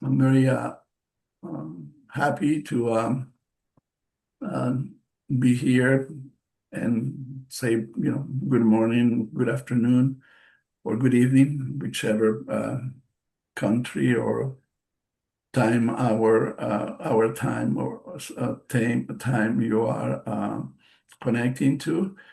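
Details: Adult male stroke survivor with post-stroke aphasia, non-native English speaker giving a presentation, with audible word repetitions and self-corrections; finding: aphasia.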